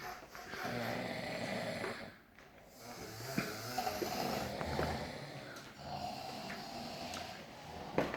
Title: CESAR FILIMING ME SNORING